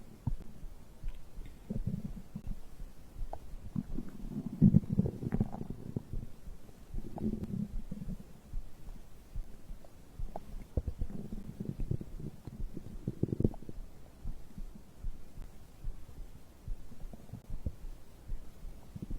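Low soft gurgling and bubbling rumbles coming in waves; ordinary digestion sounds after a drink.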